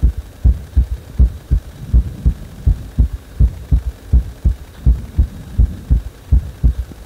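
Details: Heartbeat that speeds up on its own after compression: steady, regular low thumping at about 80 beats per minute with a background hum.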